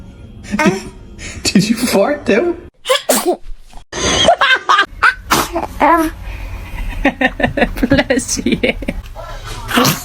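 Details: Several sharp, explosive sneezes from young children in a small room, with adult laughter and talk; ordinary sneezing.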